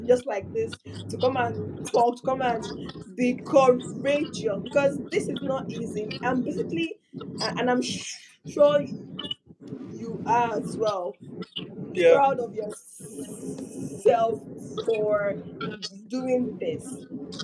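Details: Adult speaker; stuttering.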